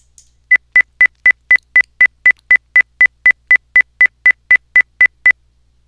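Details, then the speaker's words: 2000 Hz tone-burst auditory brainstem response (ABR) stimulus: rapid, evenly spaced high-pitched tone pips, about four a second, used in brainstem hearing testing. "a sound Herz AB is higher in Pitch than 500 HZ of course or even higher 2,000"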